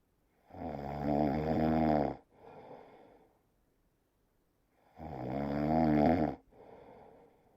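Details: Snoring from "moose" (who or what is not stated): two loud, rough, vibrating inhalations, each followed by a softer breathy exhale, about 4.5 seconds apart; snoring.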